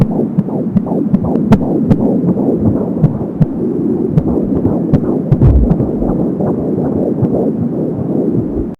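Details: Fetal heart sounds at 14 weeks of pregnancy on an Angel Sound home fetal Doppler, about 170 beats a minute: rapid, galloping whoosh-beats with the whooshing sound of the umbilical cord.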